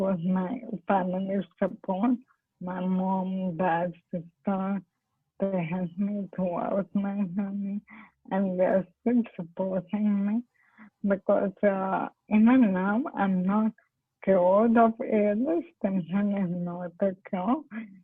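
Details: Woman, a doctor with ALS (motor neurone disease), speaking with dysarthric speech; dysarthria (ALS / motor neurone disease).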